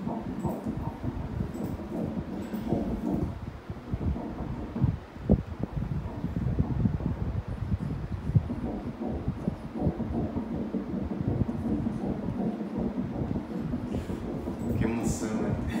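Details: At the first ultrasound of a 21-year-old mother, apparently about 7 weeks 5 days pregnant, Doppler picks up rapid, steady whooshing pulses: an early fetal heartbeat, with no detachment reported.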